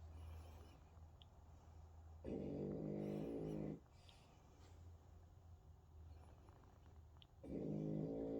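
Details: French bulldog snoring in sleep: two long, loud rattling snores separated by quieter breathing, from a flat-faced dog.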